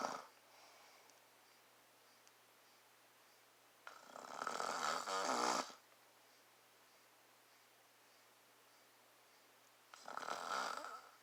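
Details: Two loud, rough snoring breaths about six seconds apart, recorded up close to an adult man's face (the recorder's father), with quiet room noise between them; snoring.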